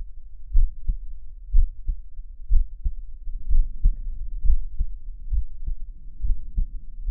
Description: chubby hairy male listening to his heartbeat for relaxation and ASMR